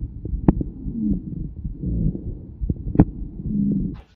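Low, snoring-like rumbling breath sounds with brief clicks, typical of rhonchi from secretions in the large airways.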